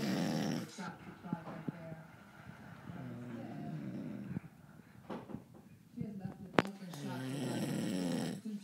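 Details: Low, rumbling snores with a growly, fluttering quality repeat through quiet room noise; the sleeper is described as snoring after a long night of drinking and skiing, though the sound suggests a dog: snoring.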